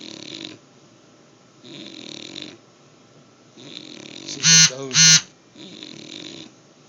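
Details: Cartoon-style hissing, rasping snores about every two seconds, interrupted by two loud whistling squeals, apparently performed on request ("you're supposed to be snoring"); snoring.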